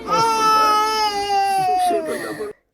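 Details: A 14-month-old child cries in one long, strained wail that falls in pitch and breaks into sobs.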